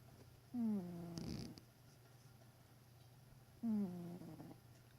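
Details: Sleeping cat: two soft snores about three seconds apart, each a squeaky, whistling nasal tone trailing into a breathy rasp; snoring.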